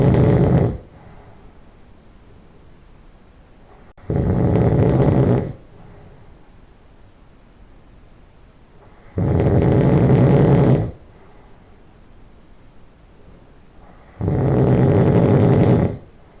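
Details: Person who just fell asleep: loud, harsh rattling nasal snores on each breath, about 12 a minute, with quiet pauses between; loud nasal snoring.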